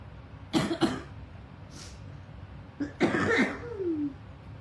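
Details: Adult woman sick for days with difficulty breathing, needing her inhaler, long history of breathing treatments: two quick coughs, a pause, then harsher cough burst ending in a whistling, squeaky inhalation; cough with labored breathing.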